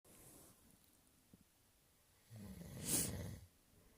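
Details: Induced sneeze: a quiet stretch, then a rising noisy inhale and a single forceful sneeze.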